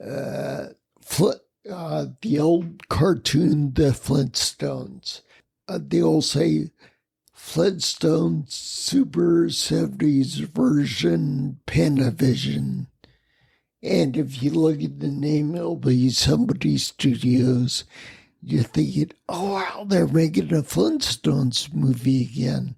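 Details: Ataxic dysarthria in a man with the rare neuromuscular disease spinocerebellar ataxia, causing mobility challenges, a speech impediment and noise-induced anxiety, lived with for over 20 years.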